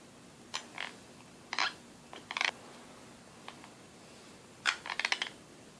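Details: Short gritty scraping and clicking bursts of teeth rubbing together, linked with clenching, fatigue, stress and jaw pain: teeth grinding (bruxism).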